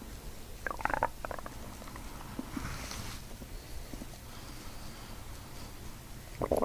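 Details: Abdomen during chiropractic diaphragm manipulation with deep belly breathing: loud bursts of bubbly gurgling, ordinary bowel sounds made louder by the breathing; loud gurgling bowel sounds.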